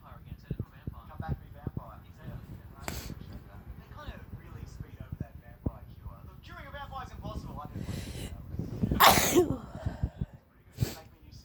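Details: An adult with a cold sneezes sharply several times in a row and cannot stop, with background voices and room noise; repeated sneezing.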